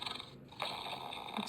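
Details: Simulated snoring from a toy bear silicone night lamp with a wiggling belly: brief snort-like snore sound from its built-in speaker, not a real sleeper.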